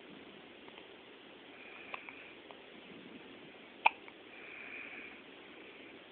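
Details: Newborn baby boy in hospital with hiccups: one distinct sharp hiccup with a few fainter catches before it, over quiet room hiss.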